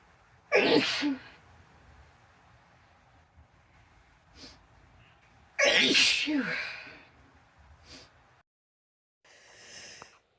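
Two forceful sneezes, each a sharp breathy burst with a voiced tail, followed by a few soft sniffs.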